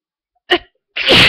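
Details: Sneeze during a head cold with fever, sore throat and heavy nasal stuffiness; short catching inhalation then a loud forceful sneeze burst, sneezes slow to come out amid sniffling.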